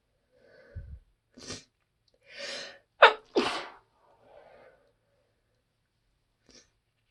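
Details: Person out of allergy medicine sneezing at work: a run of stifled, muffled sneezes with short breathy bursts and catching inhalations between them.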